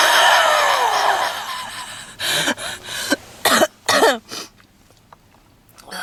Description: Redhead girl in a black leather jacket smoking a cigarette in the car with heavy coughing and wheezing.